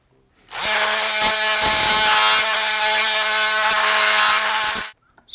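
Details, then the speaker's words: Partial knee replacement on a right knee: an oscillating bone saw takes 8 mm off the posterior femoral condyle in flexion, giving a harsh, buzzing, steady-pitched noise for about four seconds. "We take our 8 back, place that in the flexion space, and then we are going to take 8 millimeters off of the posterior femoral condyle."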